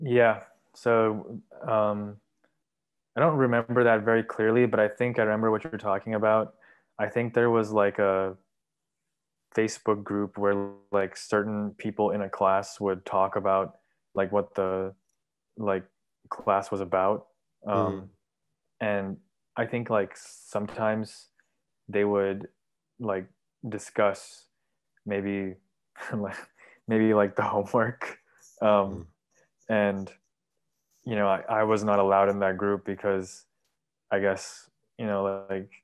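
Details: 23-year-old man, bilingual English and Urdu, with stuttering since about age three, now describing himself as having overcome it; stuttering.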